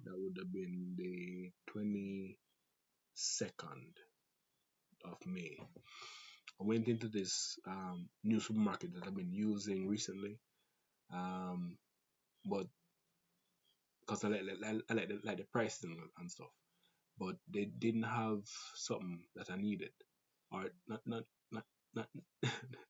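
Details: Stuttering in an adult Jamaican man who reports a stutter inherited through his family (grandfather, father, siblings), a fast speaking rate, and a sore throat that day; stuttering.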